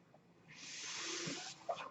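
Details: Speaker's own mechanical ventilator during a spoken podcast: a steady rush of airflow lasting about one second, then a brief click, one delivered ventilator breath cycle.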